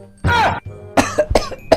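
An adult man gives an acted series of about five coughs: one long harsh cough, then short bursts.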